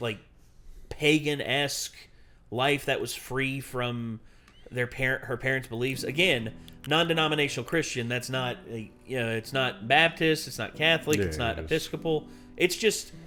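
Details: Adult male speaker; typical speech.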